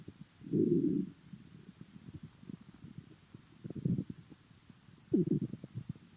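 Low gurgling rumbles in three bursts with soft bubbling clicks between them; ordinary stomach rumbling, or borborygmi.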